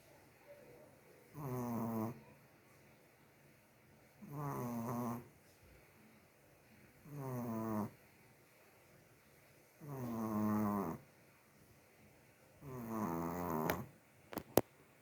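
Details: Sleeping female Chihuahua gives five rattling, buzzing snores, one on each breath, about 21 a minute, with quiet pauses between; snoring.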